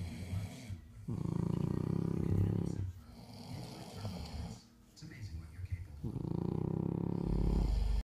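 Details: French bulldog and person snoring: loud, deep, rattling snores on the in-breath, two long ones with a quieter breath between.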